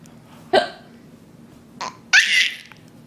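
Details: Young child hiccuping while filmed: two sharp, abrupt vocal bursts followed by a brief laugh-like sound; hiccups.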